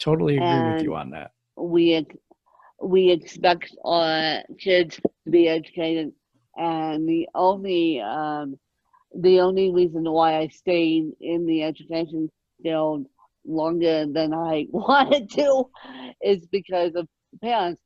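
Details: Adult woman born with moderate ataxic cerebral palsy, which she places mid-spectrum, caused by lack of oxygen at birth; ataxic dysarthria in cerebral palsy.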